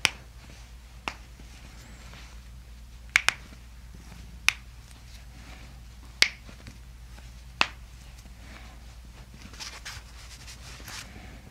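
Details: Chiropractic spinal manipulation of a Russian patient during gentle breathing, taken from an adjustment compilation: several sharp, brief, loud cracking pops of joint cavitation over a quiet room hum.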